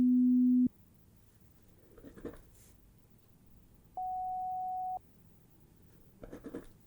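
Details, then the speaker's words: Role-played, simulated pure tone audiometry through headphones, listener raising a hand on hearing each tone: two steady pure beeps, a low then a higher one, with soft rustling between; audiometry test tones. "now we are going to pop some headphones over your ears and we are going to do a pure tone audiometry test as well as a word in noise Hearing in noise test as well"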